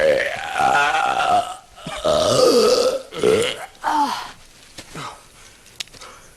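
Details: Supercut of burping scenes from different movies and TV: loud, long, croaking belches in a row, then fading quieter sounds; acted, repeated burping.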